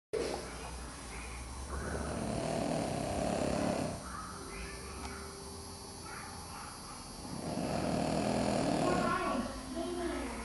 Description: Oscar, our snoring boston terrier curled up in the kids' halloween costumes